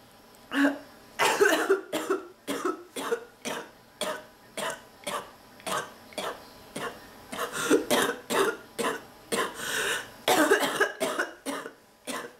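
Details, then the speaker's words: A person still fighting off an illness has a near-continuous coughing fit of about twenty short, harsh coughs in twelve seconds; the person says their back hurts badly from coughing and mentions their nose. Persistent cough. "oh my back thank you my back hurts so bad from coughing yeah"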